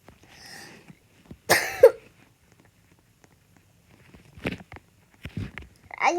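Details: Two short harsh cough bursts from a child in a quiet room, with faint voice before and after, recorded while playing a game with their dad; an ordinary brief cough.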